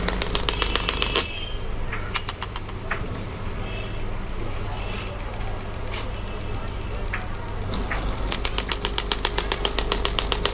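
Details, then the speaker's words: Pneumatic shockwave therapy machine (pneumatic compression inside), handpiece started for ED treatment program: rapid sharp tapping bursts about 150 a minute over a steady low compressor hum. "Machine is having a compression, pneumatic compression inside, so that is putting the pressure."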